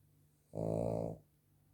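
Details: Female dog snoring in a quiet room, with a single rumbling, throaty snore; not even at her loudest.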